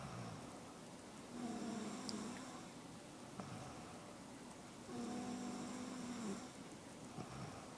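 Two long, whistling, tonal snores on breathing in, with steady room noise behind them. Snoring.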